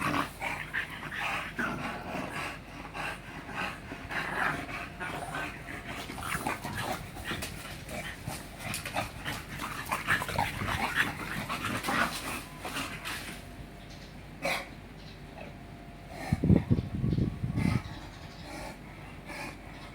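Steady rapid open-mouthed panting from a dog with a few small whimpers, heard over some room noise: ordinary dog panting.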